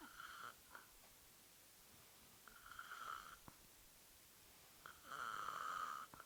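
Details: A female napping on a Sunday gives three rough, buzzing snores on in-breaths, about one every two to three seconds, in a quiet room; snoring.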